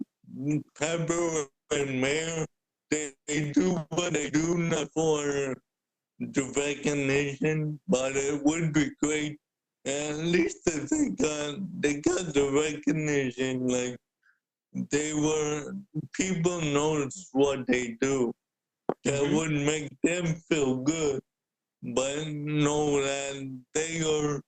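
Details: Adult man born with cerebral palsy, wheelchair user with physical limitations; the host notes speaking is hard for him; dysarthria (cerebral palsy).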